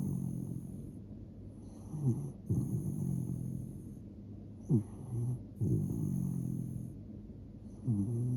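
Soft rattling snores from a sleeping dog, roughly 19 breaths a minute, with a steady high hiss in the background.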